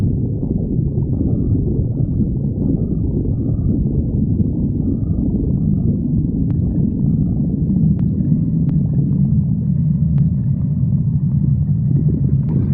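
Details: Stomach growling: continuous low rumbling and gurgling with brief squeaky tones, typical borborygmi.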